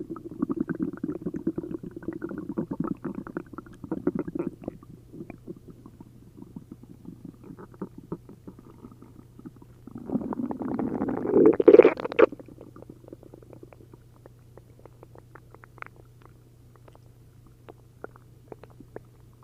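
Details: Loud, frequent bubbling and gurgling bowel sounds with a sustained rumbling surge midway from an upset stomach after drinking a liter of milk and a liter of prune juice; hyperactive borborygmi.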